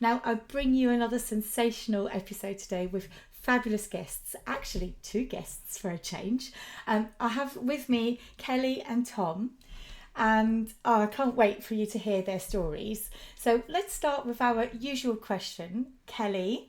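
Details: Adult woman speaking; typical speech.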